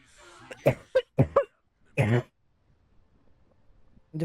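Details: Adult woman smoker with allergy, coughing while gaming, real unscripted; a short run of five or six harsh, explosive coughs in quick succession, then quiet; smoker's cough.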